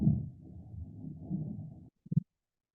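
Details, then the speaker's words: Normal bowel sounds from a simulated dog (black Labrador K9 vet trainer): low, irregular gurgling and rumbling, then a pause and a few short gurgles. "so let's hear what the bowel sounds sound like [Music]"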